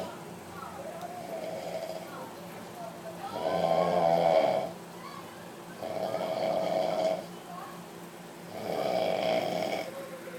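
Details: Loud, rhythmic snoring with a nasal, buzzing quality at about 23 breaths a minute.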